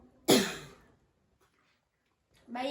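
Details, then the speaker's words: Single forceful effective (huff) cough after deep breaths, acted demonstration by a nursing student with a woman patient during chest physiotherapy with postural drainage, bringing up phlegm. "Baik, Ibu. Untuk yang empat kalinya Ibu hentakan ya, Bu. Baik. Tarik napas. Hentakan, Bu."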